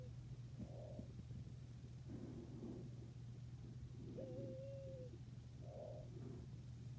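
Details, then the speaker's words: Simulated stridor from a nursing training manikin programmed via SimPad Plus, volume at six: breathing with a faint, high-pitched musical whistle over a steady low hum. "I'm going to choose this time a Strider so I'm clicking on there and hit activate and in a moment or two you'll be hearing Strider and sounds once again the volume is at six"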